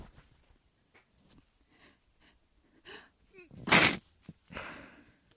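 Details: Induced sneeze with runny nose: quiet sniffs and a building in-breath, then one loud wet sneeze and a breathy exhale; a big snotty sneeze.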